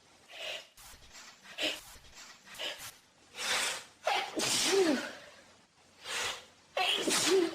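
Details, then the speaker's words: Quick, sharp in-breaths followed by several loud sneezes in a row, occurring naturally in hay fever; repeated sneezing. "Oh my god. I am so sneezy. It's actually painting me out. It just happens naturally."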